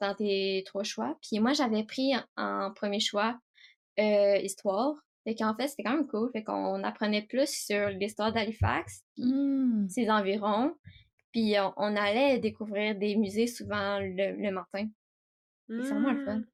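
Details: Stuttering in an 18-year-old female student, diagnosed at about age 4, with several speech therapy follow-ups since primary school; French speech.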